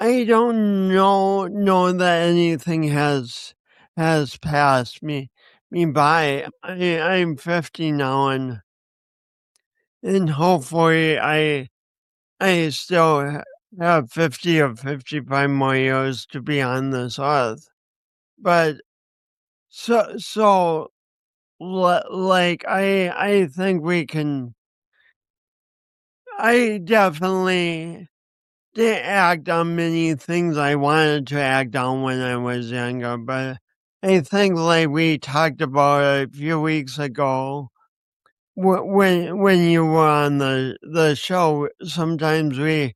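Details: Man with a speech impediment accompanied by coordination issues, which he says he has not overcome; speech impediment with stuttering-like disfluency.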